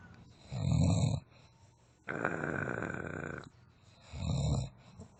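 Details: A friend asleep and snoring: deep rumbling snores on the in-breath alternating with a hissing out-breath, about two full breaths in five seconds; ordinary adult snoring.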